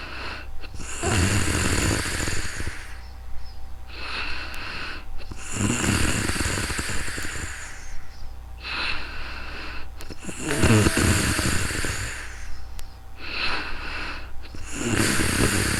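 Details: Real-time snoring during calm sleep, recorded on a new microphone: loud, rough inspiratory snores each followed by a shorter noisy exhalation, about 13 breaths per minute. Heavy snoring.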